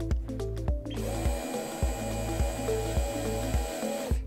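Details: Steady high motor whine over regular low background-music thumps as a De Soutter orthodrive large-bone handpiece, used for hip and knee replacements, runs a drill bit locked in its Jacob's chuck after being taken off safe mode.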